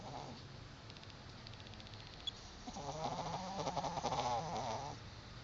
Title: Snoring Chihuahua